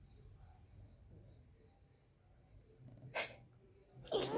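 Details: Two brief sneezes over low room noise from a person who has been sneezing all day, up to 45 times in a row, and thinks they have the flu.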